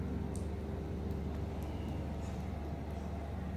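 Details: Steady low mechanical hum and rumble of an oxygen concentrator compressor running, fitted with an Internet of Things monitoring box for oxygen concentration and compressor temperature; no distinct alarm tones.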